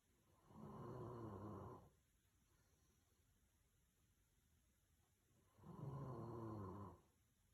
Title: Cat Falling Asleep While Dog Snores #cats #cute